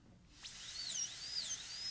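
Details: High-speed dental drill making a depth cut about 1 mm above the gingiva for a PFM crown preparation on a typodont maxillary tooth: shrill high-pitched whine spinning up and changing pitch as it cuts.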